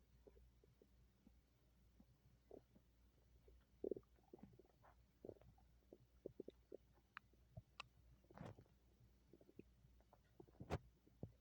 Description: Belly noises after eating an entire pizza & a large shake.